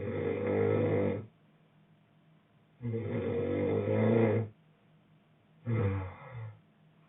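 Three loud, low, rattling snores about every three seconds, roughly 18 a minute; snoring from vibrating throat tissue in sleep.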